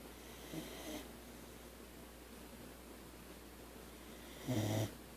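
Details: Sleeping boxer dog snores twice about four seconds apart, first faintly, then a louder, rattling low snore, over quiet room hiss; owner says she was louder before the recording started.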